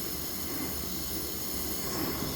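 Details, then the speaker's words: A steady rushing hiss of oxygen flowing through a simple mask-mounted CPAP/PEEP valve setup for COVID-19, giving about 15–20 cmH2O with fast flow recovery. No patient is present. Finding: oxygen flow hiss through CPAP/PEEP device. "There's plenty of flow on this device, and there's obviously plenty of CPAP and PEEP that it's emitting. Plenty enough."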